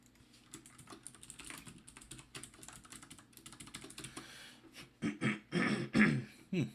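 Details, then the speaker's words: Plain cough: keyboard typing during a coding screencast, then about four short muffled coughs in quick succession from the narrator, who apologizes for coughing. "Sorry about that. It sounds like I'm gonna keep apologizing every time I cough. So sorry about that."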